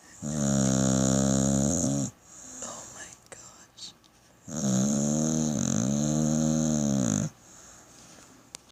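Two long, loud, buzzing snores, each about two seconds, separated by quieter breathing noise; a vibrating tone on both in- and out-breath.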